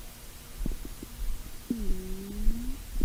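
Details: Stomach growling from a long recording of over five minutes: low gurgles and a drawn-out, rising and falling groan from the belly; normal borborygmi.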